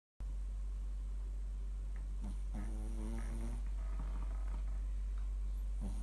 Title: Mylly snores shih tzu シーズー